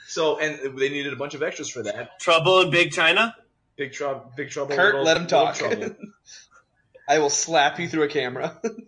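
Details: Adult man speaking; normal speech.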